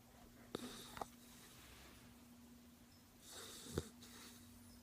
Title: Puppy snoring